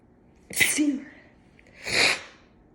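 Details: Sneezing induced with a cat whisker in nose, left nostril clogged from cat allergy: two forceful sneezes about a second and a half apart, in a quiet room.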